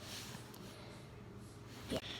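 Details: One sharp, gasping intake of breath cut off abruptly near the end, against quiet room noise; hiccups.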